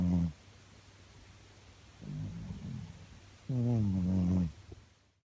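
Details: Cat named Jasper snoring: low, buzzy, rattling snores in irregular bursts between quiet pauses.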